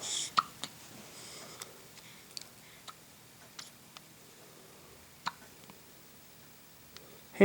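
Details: Six-day-old newborn with hiccups: a series of brief, sharp, irregular hiccup sounds spaced about a second apart in a quiet room.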